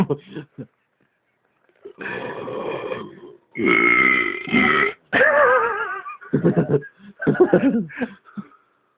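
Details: Series of loud, drawn-out voiced belches from an adult with short pauses between them; belching.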